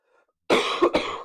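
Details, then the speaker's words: A single harsh cough burst followed by throat-clearing, from an adult who is sick and recovering slowly, sleeping better than the night before, during a live online Q&A. "We apologize for the coughing in advance then."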